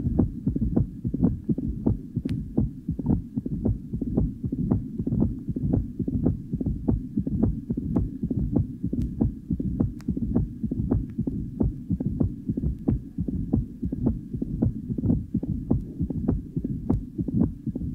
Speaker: this 52-year-old woman is fibrillating but has tight mital stenosis with a pliable valve the first heart son is loud and varies in intensity a loud opening snap is heard following the second heart sound and then a rumbling murmur which fills diast